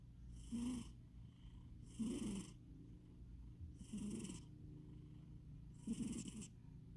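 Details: Short, rattling snores with a hissing edge, about one every two seconds, from a sleeping cat the owner describes as very fat; snoring.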